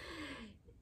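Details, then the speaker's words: Cat coughing up a furball: a single short, harsh, airy hack, then quiet; hairball retching. "my cat's coughing up a furball right now if you can probably hear him it's okay buddy it's always so weird to watch that"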